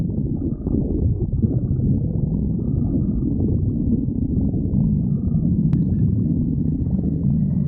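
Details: Continuous low rumbling growl with faint gurgles throughout; ordinary stomach growling.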